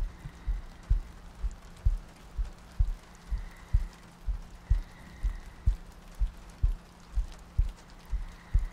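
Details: ASMR sleep-aid loop, likely simulated: soft, regular low heartbeat thumps at about 62 per minute under light rain-like hiss, meant to sound like lying next to a partner; heartbeat.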